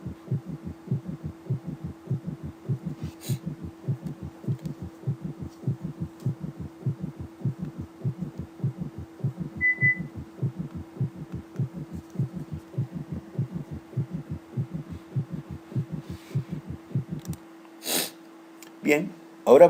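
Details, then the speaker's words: Summation gallop in a deteriorated tachycardic patient (about 100 a minute): protodiastolic S3 and telediastolic S4 fuse into one extra galloping diastolic sound each cycle over a steady hum. "Y entre la diástole se une el S3 protodiastólico con el S4. Telediastólico en uno solo en el galope de"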